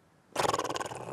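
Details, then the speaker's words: Imitated sleep apnoea snoring in a Korean TV news segment on obstructive sleep apnoea: after a brief quiet moment, a loud, fluttering, snort-like snore bursts out. "네 이렇게 좀 잠을 잘 때 코를 심하게 본다던가 잠을 잘 들지 못하는 분들도 계시는데요"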